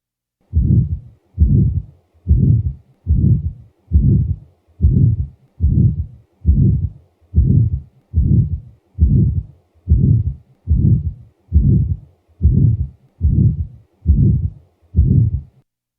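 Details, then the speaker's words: Innocent heart murmur in a 2-year-old child, from a Littmann cardiac auscultation teaching recording. Regular heartbeat about 68 a minute, each beat followed by a soft, low humming murmur. "contrast that with another innocent murmur as heard in a 2-year-old child"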